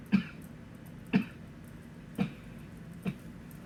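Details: Male coughing into a pillow to avoid waking the neighbors: four muffled, dull cough bursts about a second apart, dampened by the pillow.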